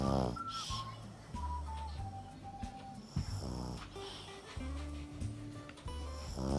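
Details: Pug dog sleeping, owner asking whether dogs can have sleep apnea; loud, rough snoring with music playing in the background; snoring.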